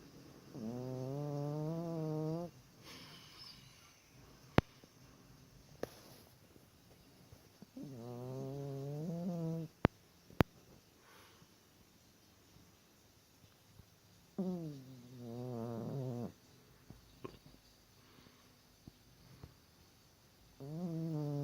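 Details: Sleeping dog with tonal, whining snores about every six seconds and quiet pauses between; snoring.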